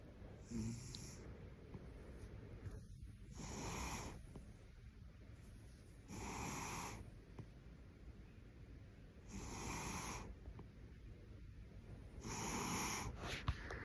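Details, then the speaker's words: A cat snores softly and rhythmically, with four noisy breaths at about 18 a minute over quiet room noise: snoring. "Tá arroncando, gatoxinha."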